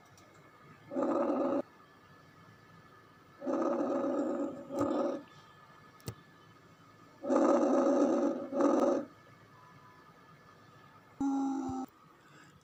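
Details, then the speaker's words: Stethoscope auscultation over diseased lung, e.g. pneumonia, heart failure or pleural effusion: short, soft, muffled breath sounds with uneven, interrupted phases, shorter than normal inspiration and expiration; diminished breath sounds. "فهنستمع دلوقتي إلى الصوت الثاني اللي هو diseased lung، اللي هو عبارة عن diminished breath sound."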